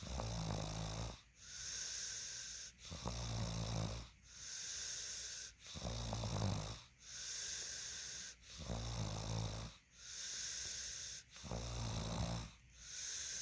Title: Me Snoring 3